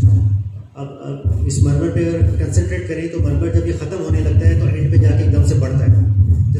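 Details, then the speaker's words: Heart sounds of mitral stenosis; one of four mitral stenosis recordings. "since this is one of the most commonest numbers i have actually got four different sounds of mitral sources here normal now this memory is happening after"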